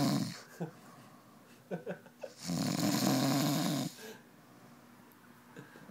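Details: Adult man snoring: loud, rough, rattling snores on breathing in, one lasting over a second, with quiet breathing between.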